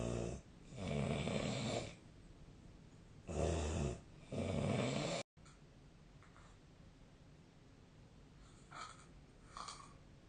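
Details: Sleep snoring, 2025/03/18; loud, rough snores on the in-breath, with quieter snorting breaths after a short break: snoring.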